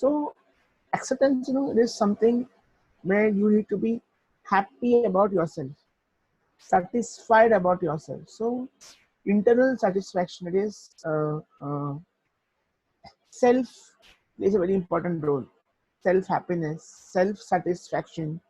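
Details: Adult man who stutters; stuttering.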